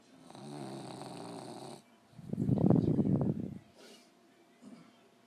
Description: My 1 year old puggle fell asleep in my lap and started snoring.